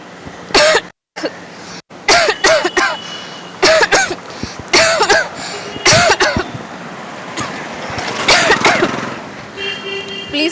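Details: Simulated cough: an adult's deliberate, acted bursts of dry coughing in short clusters near smokers in a public street social experiment, with traffic and background chatter.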